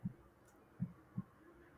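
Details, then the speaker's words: Normal heart sounds inserted as an example in a children's body lesson: soft, low lub-dub thumps of the heart pumping. "और जब ये pump करता है ना, तो इससे लब डब की आवाज आती है। तो ये साउंड मैंने डाला, ध्यान से सुनिए।"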